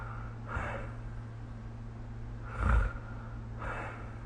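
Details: Snoring during sleep recorded with the SnoreLab app, three rough, snorting breaths over a steady low background hum.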